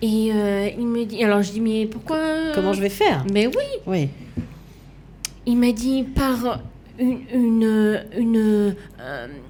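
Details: Aphasia in a woman after an accident, coma and defibrillation, with right-sided hemiplegia; a language disorder with years of difficulty placing the tongue, after 7 years of relearning to walk and speak.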